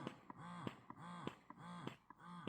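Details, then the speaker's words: Willow Go wearable in-bra breast pump, up to 280 mmHg suction, in stimulation mode: fast, short rhythmic suction cycles of about two a second, with a whirring pump note and clicks. "the shorter suctions, so that’s stimulation mode."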